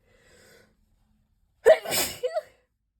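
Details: A single sneeze, described as a spray sneeze: a brief faint intake, a pause, then one sharp explosive burst with a short trailing tail.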